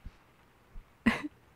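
A single short, soft cough after a quiet pause; a plain cough.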